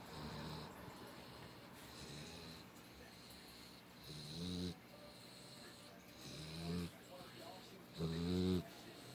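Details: American Bulldog puppy snoring while reportedly not even asleep: soft, low rumbling snores recurring every two seconds or so over a steady background hiss; snoring.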